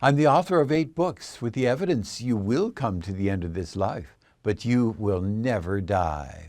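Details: Adult male speaker; Normal speech.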